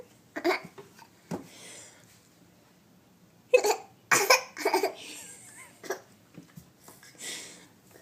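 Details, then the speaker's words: Hiccups: sharp, abrupt vocal catches recurring irregularly amid laughter and breathy sounds. "We got the hiccups."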